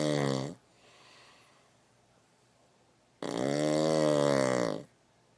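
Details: Loud snoring: two long, droning sounds with a steady buzz, separated by a quiet pause of several seconds.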